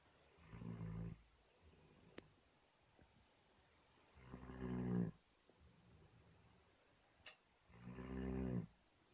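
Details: Bernese mountain dog sleeping and snoring: three deep, rumbling snores on the in-breath, about 17 a minute, with quiet pauses between.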